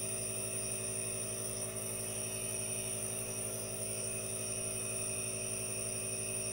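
Steady mechanical hum with a constant hiss of a nebulizer compressor running, no breaks or voices.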